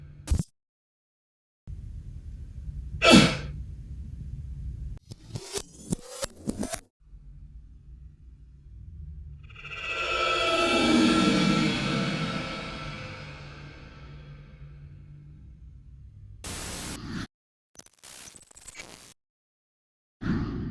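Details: An acted adult cough for a coronavirus mask PSA: one sharp explosive burst, then a long rushing whoosh and brief cut-up noises; cough.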